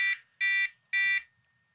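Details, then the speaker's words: Blood glucose monitor alarm going off for low glucose in an adult already treated: three sharp, evenly spaced electronic beeps. "vibrating oh it is actually beeping yeah I I thought I had that turned off but apparently I can't turn it"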